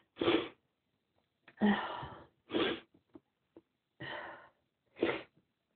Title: Itchy sneezes!